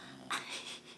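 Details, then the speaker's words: English Bulldog sleeping in a quiet room gives a short, noisy, rasping breath, a brief snore or snort. "I did start wreck my plans I think it was called a little bit last night sorry if you can hear Bob snoring"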